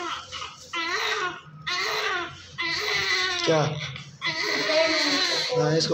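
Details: Strong, repeated crying bursts from an active newborn boy just delivered by lower-segment caesarean section, covered in vernix and being cleaned, with brief breaths between; a vigorous normal newborn cry in a small room.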